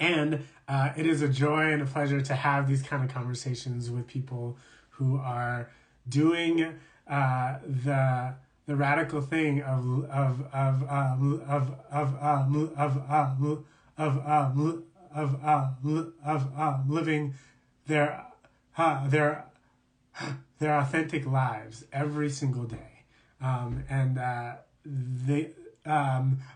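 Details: Adult man who describes himself as a person who stutters, in real live conversational speech; stuttering.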